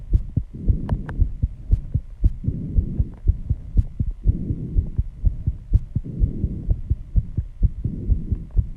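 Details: Heartbeat after intense exercise, pounding fast and strong at 134 bpm, regular, with heavy breathing; audible at first even without the microphone; sinus tachycardia after exercise.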